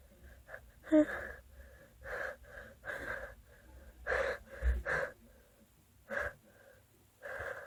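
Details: Stuck sneezes: repeated voiced, gasping pre-sneeze inhalations that build up but never release into a full sneeze.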